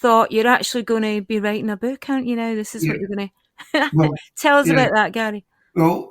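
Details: Adult speaker in conversation; ordinary speech.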